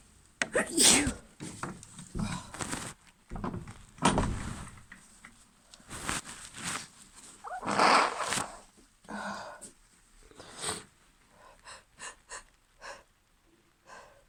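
Several sharp sneeze bursts with breathy intakes between them, growing softer toward the end; a run of sneezes.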